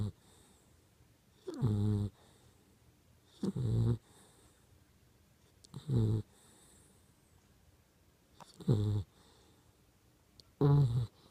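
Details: Young Pitbull dog snoring: five loud, low, rattling snores on inhalation at irregular intervals, with quiet pauses between.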